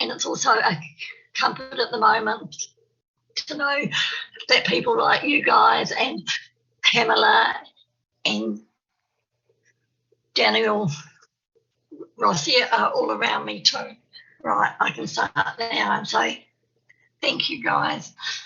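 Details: Adult woman from New Zealand who has a stammer. Stuttering.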